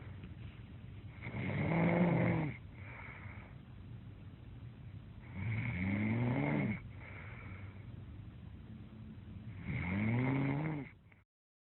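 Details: Three long, rattling, low snores on the in-breath with quiet out-breaths between, about 15 breaths a minute; snoring.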